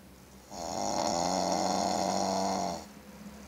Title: Pug snoring